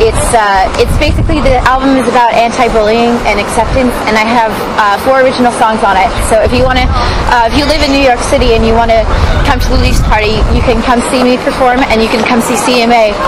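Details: Young adult woman speaking; Normal speech.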